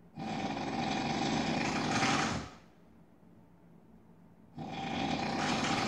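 Two very loud, long, harsh rattling snores with a quiet pause between them, buzzing like a power tool.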